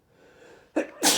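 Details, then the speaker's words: Man sneezing after strong chhinkni snuff that burns: a quiet indrawn breath, then two forceful sneezes in quick succession; brief sneezing fit. "Three sneezes in an arse, not know myself. Ooh, I'm gonna sneeze again."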